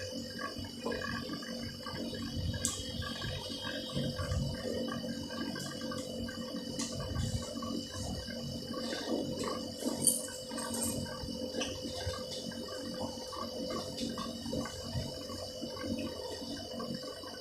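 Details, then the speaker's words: Saline irrigation of a root canal before gutta-percha placement, after cleaning with a size 20 file: trickling, splashing water with dripping sounds over soft background music. "GP লাগানোর আগে আমরা এর ভিতরে সেলাইনের পানি দিয়ে পরিষ্কার করে নেব।"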